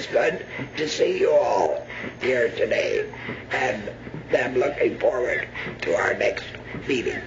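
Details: Adult laryngectomee speaking; alaryngeal speech after laryngectomy.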